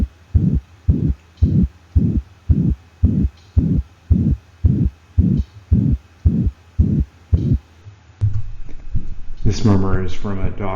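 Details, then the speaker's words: Dog with mitral regurgitation and sinus arrhythmia: even, band-shaped regurgitant holosystolic murmur filling each systole, slightly irregular rhythm. "systolic heart murmurs can be divided into regurgitant quality murmurs which are band shaped murmurs they're also called holosystolic murmurs and they have a relatively even tone throughout systole"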